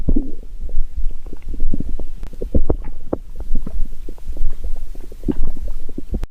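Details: Low, bubbling gurgles and rumbles in irregular bursts throughout, typical of stomach growling (borborygmi).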